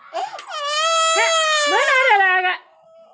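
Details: A young child gives one sustained, high-pitched wailing cry of about two seconds with a steady, clear voice; ordinary infant crying.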